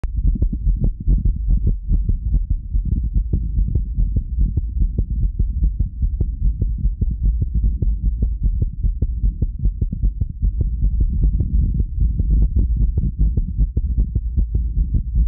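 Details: Dull, repeated low thumps of a resting heartbeat, fairly fast, with a steady low hum underneath; the recorder feels it seems fast for rest without knowing why.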